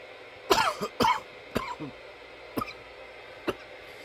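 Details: From a nearly 10-minute coughing recording: five short coughs, the first two strongest, over steady room hiss; repeated dry-sounding coughing.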